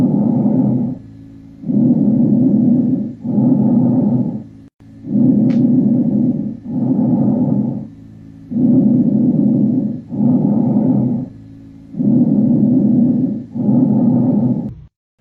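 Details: Educational breath-sound recording: loud, harsh, hollow breaths at about 18 a minute, with equal inspiratory and expiratory phases and a clear pause between them; bronchial breath sounds.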